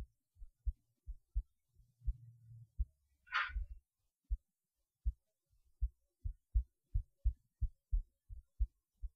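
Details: Heartbeat recorded through a cheap acoustic stethoscope; dull paired lub-dub thumps about 90 a minute with a brief scrape of handling noise.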